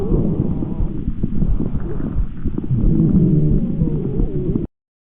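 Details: Stethoscope chest breath sounds from a respiratory auscultation training recording, with added low rumbling and popping noises over breathing, labelled as agreed by at least 8 of 10 pulmonology specialists; adventitious breath sounds.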